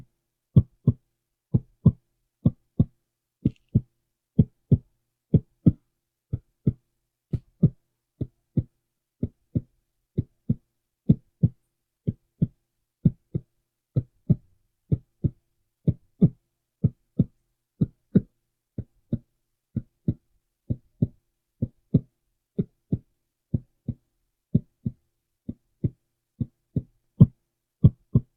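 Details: Steady paired lub-dub heartbeats at about 63 per minute, regular rhythm, heard through a stethoscope during a simulated (roleplay) new-patient exam with deep breathing, checked over back and front of chest: normal heart sounds.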